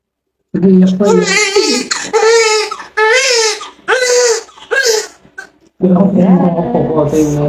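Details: Newborn baby girl just after a normal vaginal delivery: loud, rhythmic crying bursts with brief pauses for breath, a vigorous normal newborn cry.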